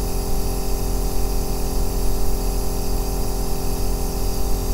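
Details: Steady deep rumbling hiss with a constant hum and no breaks, a 2-hour recording of an aerosol nebulizer compressor used as sleep background sound; nebulizer running.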